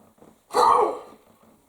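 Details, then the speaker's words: An adult who has learned COPD is diagnosed by spirometry does a peak flow meter test. A single short forceful blow into the tube fades within half a second; the weak effort reads 110 against about 500 for a normal blow. "you get a full lung you get your teeth around this big wide tube and you blow as hard as you can to see how much that meat removes i'm gonna do it"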